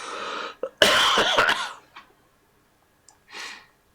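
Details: Harsh, noisy, barking burst of coughing from an adult, then a few smaller coughs and a throat clear, from a cough lingering since an illness the week before; cough.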